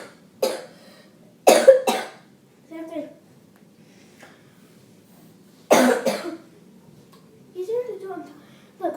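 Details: A child teaching the moonwalk coughs about five times in short bursts, some in quick pairs, with soft vocal sounds between them in a quiet room. Repeated coughing.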